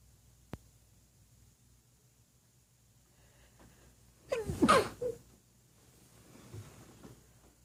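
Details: Sneeze induced with a feather, muffled into a pillow: a short inward gasp then one sharp explosive burst, followed by soft breathing, in a quiet room.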